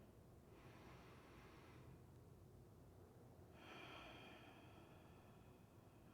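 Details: Deep breathing during an exercise class.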